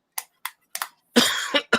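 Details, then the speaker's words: A few sharp clicks, then a harsh cough burst with a quick follow-up cough from an adult who says the coughing began on sitting down; cough. "I [snorts] didn't start coughing till I started sitting down."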